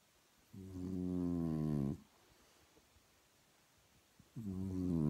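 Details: French bulldog snoring loudly, with long, low, buzzing rattles separated by quiet pauses.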